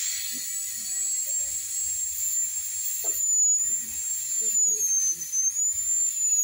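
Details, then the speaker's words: High-speed dental drill with spray breaking the contact points of tooth 31 to create a diastema appearance in a veneer preparation: a continuous shrill whine with hiss of water spray and faint room sounds. "Entonces primero vamos a romper puntos de contacto de la pieza número 31."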